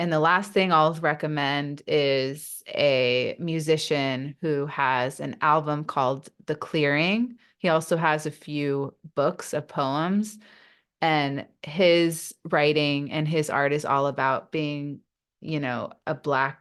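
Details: Adult woman who stutters; real, unacted speech in a podcast interview: stuttering.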